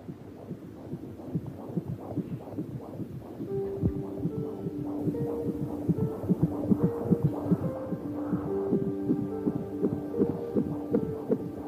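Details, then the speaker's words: Rapid whooshing pulses around 150 a minute over background music: a fetal heartbeat on ultrasound at about 8 weeks 3 days of pregnancy, in a dubbed TV drama (simulated scene). "Escuchemos los latidos del corazón."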